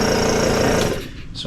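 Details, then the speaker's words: Suction unit briefly switched on then off in a nasotracheal suctioning skills demonstration: loud rattling motor hum that winds down; normal suction unit running. "And then I'm going to go ahead and turn this on just to show you. Then I'm going to turn it off. So you can adjust your regulator and put it to whatever appropriate regulation that you need."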